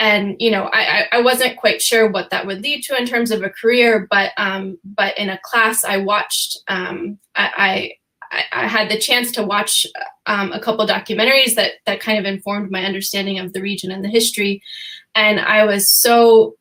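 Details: Stuttering in an adult female, real, who says she stutters sometimes, with repetitions of words and phrases, during a panel discussion.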